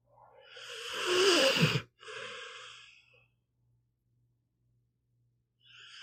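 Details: Pit bull dog sleeping and snoring: a long, noisy, rattling inhalation, then a softer exhalation and a pause.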